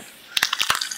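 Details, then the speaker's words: Human knee crepitus, heavily amplified: a rapid run of sharp, dry crackling pops repeating over and over as the knee moves. "And it's a knee popping, but it's like over and over again. Super amplified."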